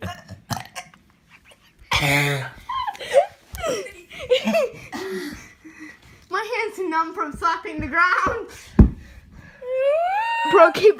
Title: My friend is burping